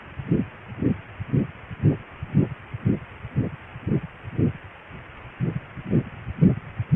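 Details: Ultrasound Doppler recording of a 5–6 week fetus: rapid, regular whooshing pulses of an early fetal heartbeat at about 120 beats a minute.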